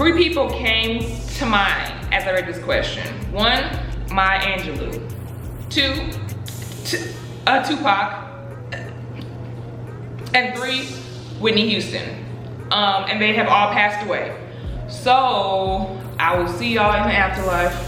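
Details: Adult woman who stutters, speaking in a Q&A about her own stuttering; stuttering.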